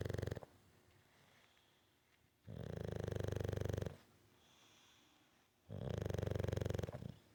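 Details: A bulldog snoring: snoring.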